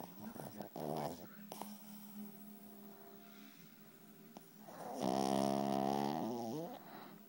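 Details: Loud, rumbling, throaty snores from a sleeping dog, with a drawn-out, buzzing snore toward the end; ordinary snoring.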